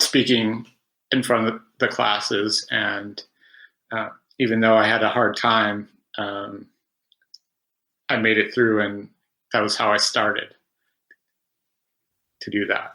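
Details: Stuttering in an adult man who has stuttered since about age five and had about 20 years of speech therapy.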